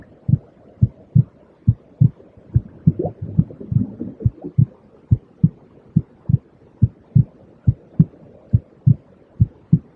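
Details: Heartbeat sound for relaxation: steady, regular, deep, muffled lub-dub at about 70 beats a minute, with a brief soft rumble in the middle.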